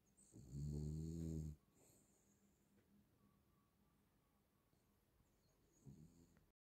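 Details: Sleeping Cavalier dog gives a loud rattling snore of about a second, then quiet breathing and the start of a softer snore: snoring.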